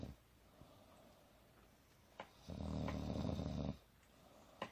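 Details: Adult woman (mother) napping on a couch, snoring softer but still audible: quiet breathing, then one loud, rattling, low snore lasting about a second in a small room; snoring.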